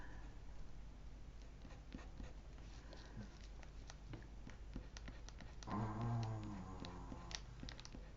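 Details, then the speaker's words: Snoring from Pepper, heard in the background. "Oh God, Pepper, I wish you wouldn't snore."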